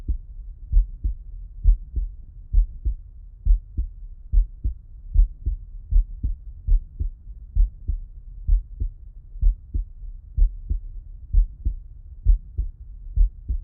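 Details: Heart auscultation by stethoscope with the person lying on the left side: normal heart sounds.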